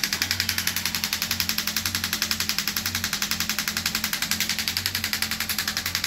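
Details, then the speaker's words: Shockwave therapy on an arm wrestler applied right on the joint over bone, bony areas usually at 1.8 bar, raised to his tolerance: steady rapid clicking pulses about 80 a minute with low motor hum. "And that's because we're right on the joint now. Right on the bone. Yeah, totally different feel, like nowhere near as violent."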